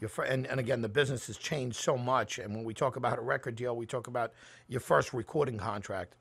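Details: Adult male speaker; normal speech.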